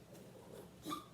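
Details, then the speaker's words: A quiet room, then near the end a single short, husky burst from Luna, a small dog in the background; dog cough. "That's my Luna coughing, if you can hear her."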